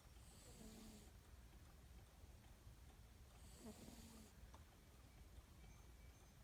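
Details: A sleeping senior cat gives two soft, rumbling snores, each about a second long, against steady low room noise; cat snoring.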